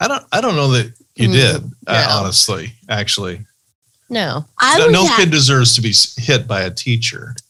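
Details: Adult speaker; typical speech.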